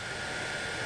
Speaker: It's pretty quiet, but you can hear the air being pumped through there. And it's got that familiar oxygenated air scent to it, that let you know it's cleaning.